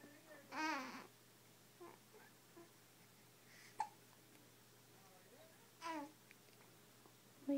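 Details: 5-week-old infant with morning hiccups: soft vocal sounds broken by a few short, abrupt hiccup catches.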